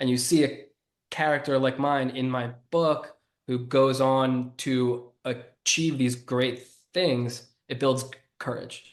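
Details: Adult who grew up with a stutter and was bullied for it, and has stuttered on his own name when presenting to a large audience; stuttering.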